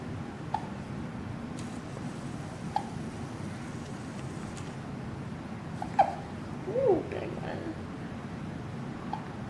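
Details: Infant on day 2 with hiccups: four short, sharp hiccups every two to three seconds, about 25 a minute, over steady room hum.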